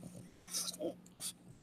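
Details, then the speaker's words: Two harsh, hissing, snort-like breaths from a flat-faced pet dog set on a counter, breathing described as very loud; noisy breathing of a flat-faced dog. "Do you hear her breathing, guys? It's so loud."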